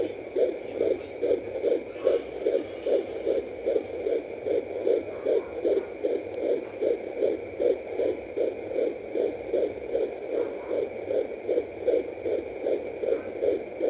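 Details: Home fetal Doppler at 14 weeks 5 days of pregnancy: rapid, regular whooshing pulses of the fetal heartbeat at around 150 to 155 beats per minute.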